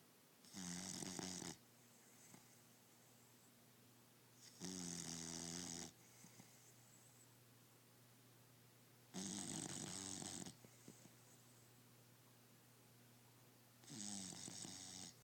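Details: Dog snoring while asleep: four loud rattling snores about four seconds apart, roughly 14 a minute, with quiet exhales between; normal snoring.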